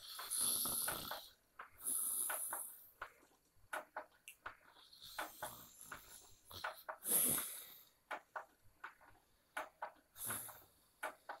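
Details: Loud, harsh open-mouth snoring with huge belly movement during sleep: repeated noisy bursts with irregular snorts and clicks between breaths.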